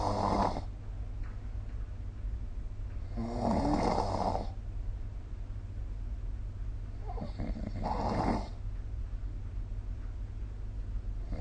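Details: Recorded with the SnoreLab app: three rough, rattling snores recur about every four seconds over a low room hum, roughly 15 breaths a minute, during ordinary sleep snoring.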